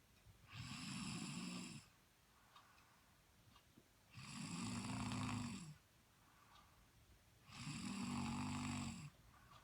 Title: snoring on Sleeping